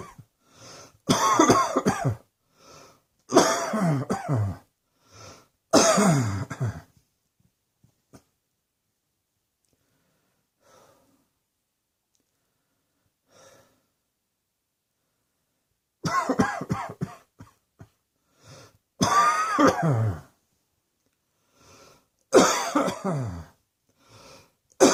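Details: Six loud coughing bouts from an adult, with a long quiet pause in the middle; cough.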